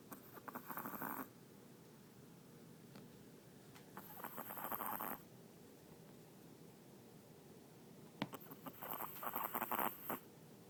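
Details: 12-year-old Chihuahua in deep sleep: soft, rapid snuffling snores in short bursts with quiet gaps between; ordinary snoring.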